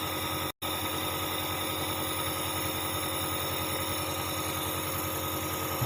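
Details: Dr Trust compressor nebulizer (AC 220 V) running normally: a steady loud motor hum and buzz after a brief gap.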